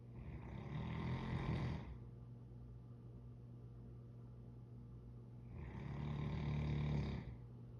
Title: Loud dog snoring